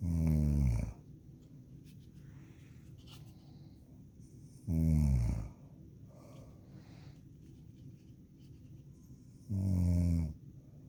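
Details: Girl snoring loudly while asleep: deep, rattling snores on each breath in, about 13 a minute, with quiet breathing between.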